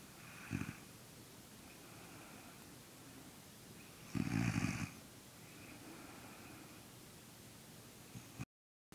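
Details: Little brother sleeping and snoring, not waking despite attempts to wake him: two rough, rumbling snores about four seconds apart over steady room hiss; ordinary snoring.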